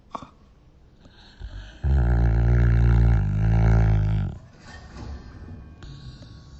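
One long, deep, buzzing rattle lasting over two seconds, a loud low vibrating snore with quieter breathing around it.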